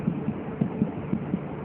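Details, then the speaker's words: Soft, rapid paired fetal heart thumps over a low hum, heard on the maternal abdomen during a Leopold exam demonstration. Cephalic presentation, back on the right. Maternal pulse palpated to confirm it is faster than the mother's; 11 beats counted in the first 5 seconds. "sudah ini yakin denyut jantung janin di mana denyut jantung janinan akan lebih cepat dari denyut Nji ibunya"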